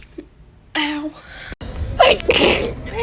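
An adult draws a voiced breath in, then lets out a loud, explosive sneeze.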